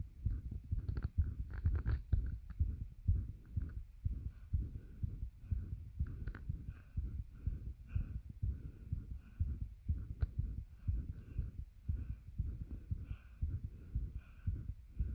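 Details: Adult's heartbeat recorded with a bed pressing on the chest causing heavy breathing: muffled, fairly quick thumps, about 125 per minute (uncertain), under loud, effortful breath noise.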